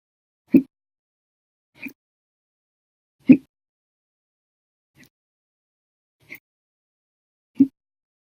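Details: Violent, loud hiccup episode lasting 12 hours 36 minutes, starting after breakfast, lunch and 2 cups of soda after dinner; six brief, sharp hiccups of varying loudness at irregular intervals over eight seconds, silence between.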